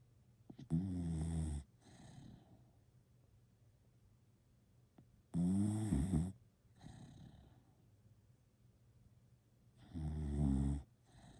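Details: Three loud, rumbling snores on the in-breath, each followed by a softer out-breath, about 13 breaths a minute; snoring.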